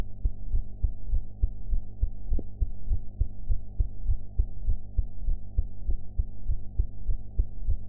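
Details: Heart sounds recorded after eating, sound quality enhanced; steady, muffled heartbeat at roughly 100 beats a minute over a low hum, normal heart sounds.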